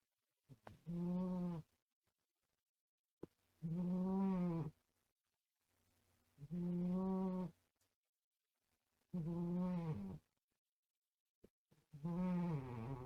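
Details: A cat snoring loudly while asleep: loud, rhythmic, rumbling snores on each breath, about five in thirteen seconds, with a brief high parakeet peep at the start; ordinary snoring.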